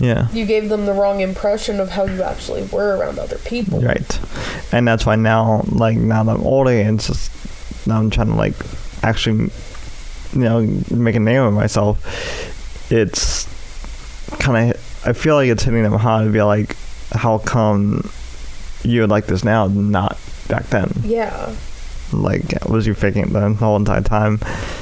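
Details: Speech impairment in an adult male with cerebral palsy affecting the right side of his body, including right arm and leg, which he says causes his speech impediment.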